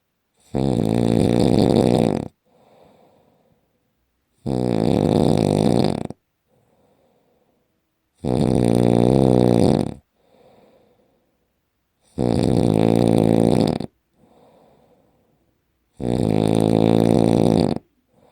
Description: Worst Snoring Ever!!! PLEASE HELP!!!